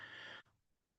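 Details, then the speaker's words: Brief high-pitched, musical whistling breath sound from a child's chest, subtle, heard on inspiration or expiration; wheeze from narrowed airways, in an asthma teaching context. "But we define a whis as a musical high-pitch sound heard on inspiring or expiring. I have to be honest, it's it's defined as a musical high pitch note."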